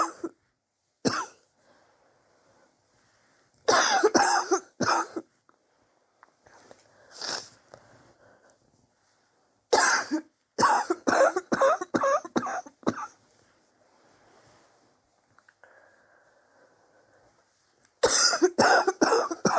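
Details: Repeated clustered bouts of forceful coughing from an adult, recorded over several weeks; the person suspects bronchitis and has a chest X-ray pending to check for pneumonia.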